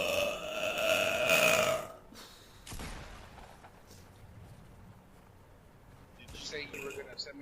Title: streamer burps